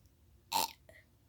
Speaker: Oh my god. Okay, goodbye. I can't stop burping.